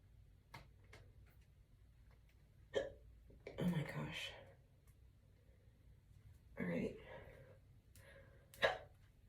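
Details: Brief abrupt catches of breath every few seconds, with soft voicing and quiet room noise between: morning hiccups just after waking, while talking and doing her hair.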